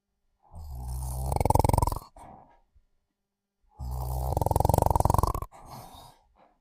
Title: Sleeping & Snoring